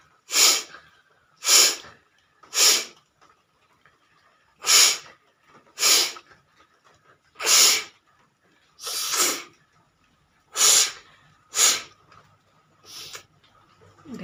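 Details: About ten forceful, airy nasal bursts at irregular intervals over fourteen seconds; a woman with a slight cold doing a nose-blowing challenge.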